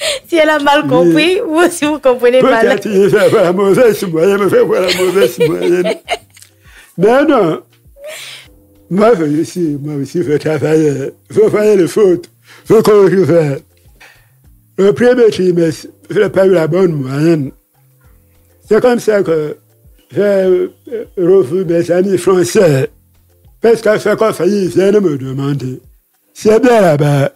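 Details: Deaf man who lip-reads, with hearing loss from a childhood illness, who says his voice is not normal because of it; speaking French; deaf speech.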